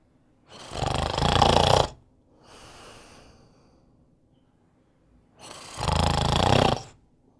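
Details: Two loud, rattling inhaled snores about five seconds apart, each followed by a softer airy exhale: snoring.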